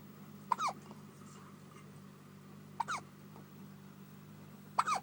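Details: Baby hiccups: three short, abrupt hiccup sounds about two seconds apart over a steady low background hum.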